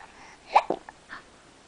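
A brief, sharp, gulping catch of breath with a small follow-up sound. A hiccup.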